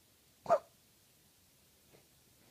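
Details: Dog giving a single short, harsh cough in a quiet room, then a faint second sound. Cough.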